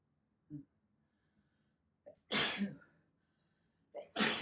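Two sneezes, each led by a short intake of breath and ending in a sharp, explosive burst; ordinary natural sneezes.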